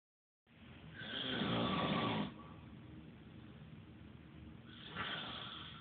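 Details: Heavy snoring from a large adult man: a loud, harsh, rattling inhaled snore lasting over a second, a quieter breath out, then the next snore beginning.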